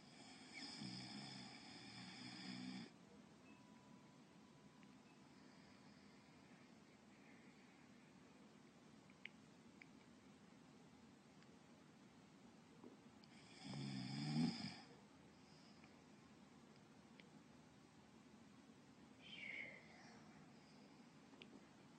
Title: Ruby Whistle Snoring Voice Over (GoAnimate Style)